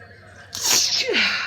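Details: Hay fever sneezing while studying in a Starbucks café: a single sharp sneeze with a quick intake before it, over faint room chatter.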